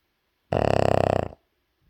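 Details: Young dog sleeping after a rough day of playing, snoring loudly: a single loud, rough, rattling, fluttering snore under a second.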